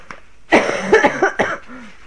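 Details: Adult with an ongoing troublesome cough, recording their voice; a burst of three or four rough, harsh coughs in quick succession, then a short vocal sound. Cough.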